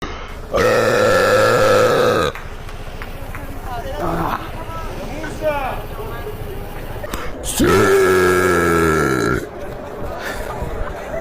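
Two long, loud, sustained belches with some talk and outdoor background noise between them.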